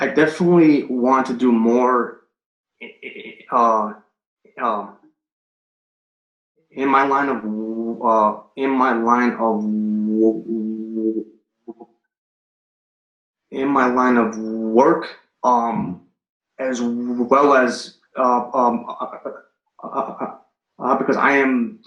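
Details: Adult male firefighter paramedic and Marine Corps veteran, stuttering since third grade, recorded before starting stuttering coaching; fillers and a stalled phrase (stuttering).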